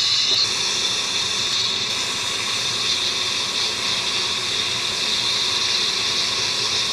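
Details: Dental soft-tissue removal by laser without anesthesia: steady loud hiss with a watery, rushing quality throughout from dental suction running during the procedure.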